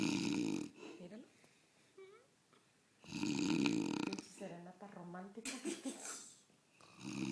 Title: Pops snoring